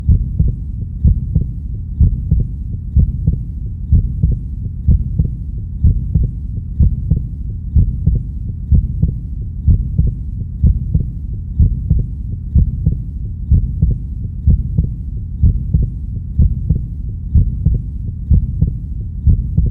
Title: Heartbeat Sound